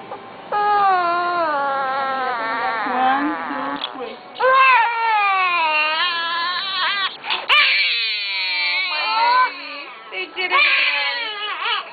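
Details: Baby girl, 2 months old, getting her second ear pierced; loud, sustained, high-pitched wailing in long rising and falling bursts with sharp catches between breaths, infant pain cry.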